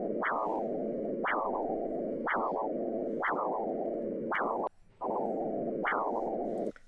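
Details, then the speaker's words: Pulsed-wave Doppler ultrasound arterial signal plotting systolic (maximum) and diastolic (minimum) velocity over time: rhythmic whooshing pulses about 60 a minute, each a sharp surge that fades; normal pulsed-wave arterial flow. "es lo que llamamos dopper de onda pulsada sobre este gráfico me está representando velocidad máxima o sistólica velocidad mínima o diastólica en función del tiempo"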